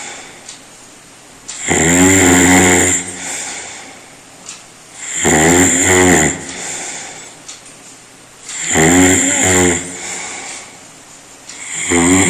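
Very loud, harsh rattling snores on each breath in, about 18 a minute, with quieter breathing out between; heavy snoring.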